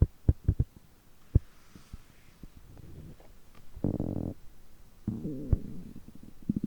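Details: Low gurgling rumbles, short pops and longer groaning stretches with quiet gaps; stomach growling on a day of overeating, which continues for over 3 hours.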